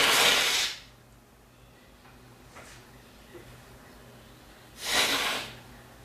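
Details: Male forceful nose blowing: two loud, hissing blasts of air through the nose, separated by quiet.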